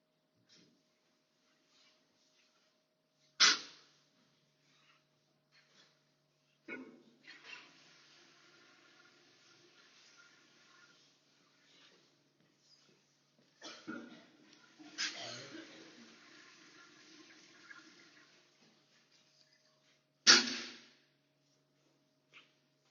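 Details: Adult woman in a public toilet cubicle with a bad, painful cough: a few sharp, harsh, deep hacking coughs heard faintly in a small echoing room, with rustling between them; low-volume phone recording.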